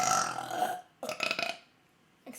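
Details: Woman burping during a gaming stream: two loud, drawn-out voiced belches, the second broken into pulses, with quiet pauses between; ordinary burping.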